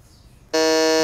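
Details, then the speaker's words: MRI patient alarm buzzer: quiet room, then an abrupt loud steady electronic buzz from squeezing the patient alarm ball to call staff during a brain MRI scan. "finally and most importantly we'll need to make sure that you can contact us if you're unhappy at any time during the scan so to do that I'll give you this squeeze ball so if you could just give that a squeeze"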